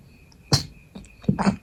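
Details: Person still sick with a cold, no longer feverish and sneezing a lot: two short, throaty coughs, the second with a brief follow-on burst, in a quiet room; mild cough.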